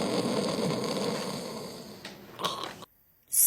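A brief rough, fluttering breath noise with a short snort, then a cut; a simple snore used as a vocabulary example.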